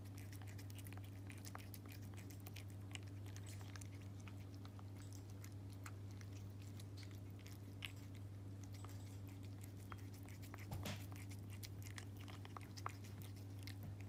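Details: Rapid, irregular crunching and clicking teeth grinding from a cat with Horner syndrome while being fed.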